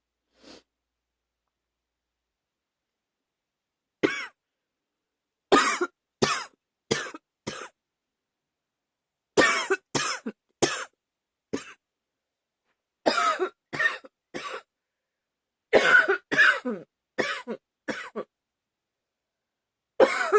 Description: Another one from a a few weeks ago... sorry at some point I cough too loud... :-/